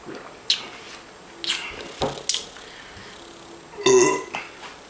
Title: in the 40 oz. Challenge ~ PARDON ALL THE BURPS...JS